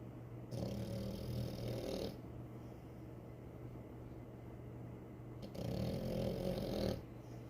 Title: frenchie snoring.